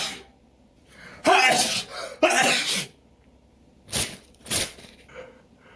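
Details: Allergic sneezing fit in someone newly allergic to local pollen, with itchy nose and eyes: two loud explosive sneezes followed by two smaller ones in quick succession.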